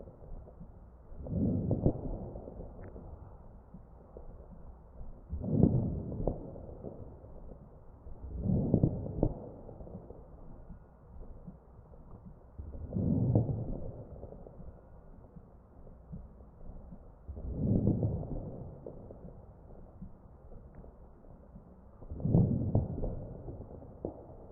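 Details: Regular mechanical ventilator breaths, about 15 a minute, with crackles heard over the chest of a ventilated patient during each breath.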